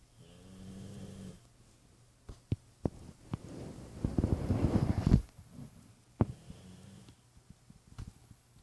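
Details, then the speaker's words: Pit bull dog snoring (she also "talks"): low rumbling, fluttery breaths with some noisy snorts and quieter pauses between. "Not only does she talk, she snores."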